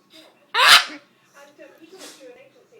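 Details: Parrot copying its owner's sneezes: a single sharp, explosive sneeze burst, followed by soft murmured vocal sounds.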